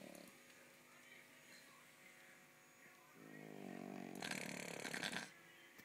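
A sleeping dog gives a long, rattly snoring breath, followed by a louder rough noisy snore. Ordinary dog snoring.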